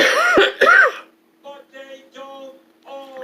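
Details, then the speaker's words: An adult woman coughs while talking and says the talking is making her cough: two quick harsh coughs followed by quiet fragments of voicing. "Excuse me. Know that. Well, I better get off here. It's making me cough."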